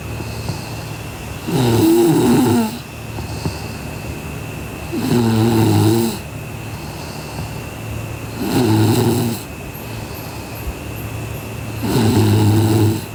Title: Sleeping Girl Beauty Snoring (BTYMH)